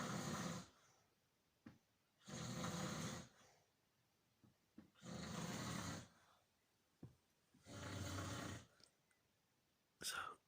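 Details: Person snoring heavily: loud, rough snores on each in-breath about every two and a half seconds, with quiet out-breaths between; ordinary heavy snoring.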